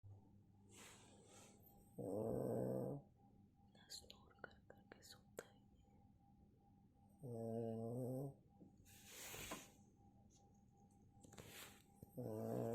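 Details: Sleeping pug snoring: loud, buzzing snores on each in-breath, about twelve a minute, with faint clicks and room noise between them.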